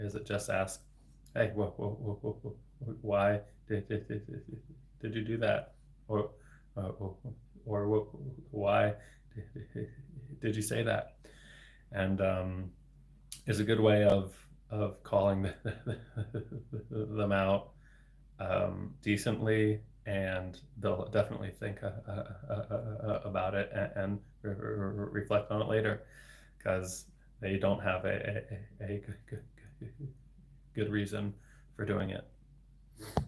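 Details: Adult man, a speech-language pathologist, with lifelong persistent stuttering for 26 years since age eight; includes repetitions and blocks, varying in severity; stuttering.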